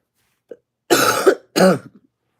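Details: Coughing during a live-streamed beauty video; cough.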